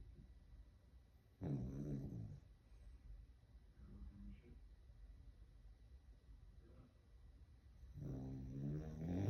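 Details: Pet dog named Louie sleeping: quiet, low, rumbling snores with softer breaths between; ordinary snoring.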